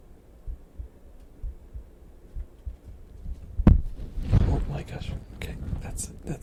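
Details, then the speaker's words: Normal heartbeat recorded by pushing a microphone against the chest: faint, regular paired thumps at about 65 a minute, then loud microphone handling noise. "Wait, how do you record your heartbeat? Because I barely hear it. I just pushed the microphone against my chest."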